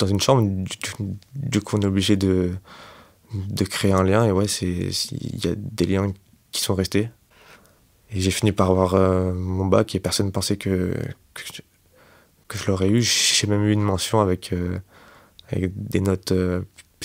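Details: 25-year-old man who has stuttered since age 4, self-described as fairly severe, worse with stress, fatigue and in front of others; stuttering.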